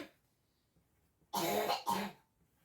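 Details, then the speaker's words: Sick young boy gives two quick, harsh cough bursts in a quiet room, like a throat-clearing cough; cough. "Je suis désolée si vous entendez tousser, c'est mon garçon qui est malade."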